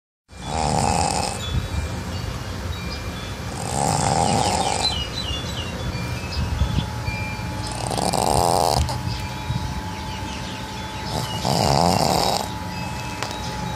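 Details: A pug snores loudly with a whistling, buzzing edge, one breath about every four seconds, roughly 15 a minute, over steady background noise; snoring.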